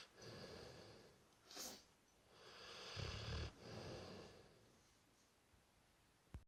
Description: Brewster the 3 year old Dorset old tyme bulldog snoring his head off :-)